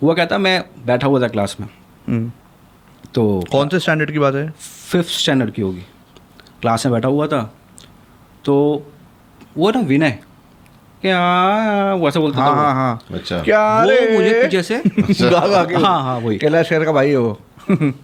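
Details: Stuttering in a man who says he has stuttered severely since childhood and still occasionally does.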